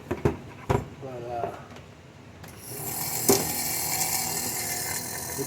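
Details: A few clicks and handling noises, then a steady hissing, buzzing motor sound from an asthma nebulizer compressor, repaired after its plunger wore out from constant use as an aquarium air pump.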